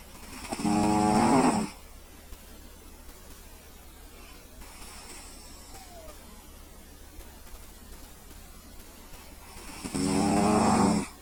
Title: CAT SNORING